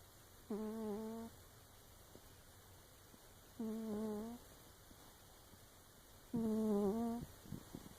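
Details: Munchkin cat snoring: three drawn-out, tonal, buzzy sounds about three seconds apart, roughly 20 a minute, over low room noise.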